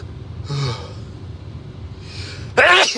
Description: Induced some violent sneezes, tried to hold some back but I couldn’t.